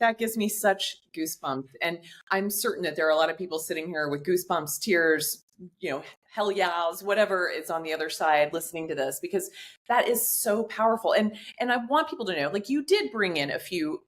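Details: Adult woman speaking; Normal speech.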